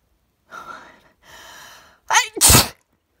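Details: Allergy sneeze onto a mirror: a drawn-out breathy wind-up, then a sharp explosive burst; one sneeze of a series.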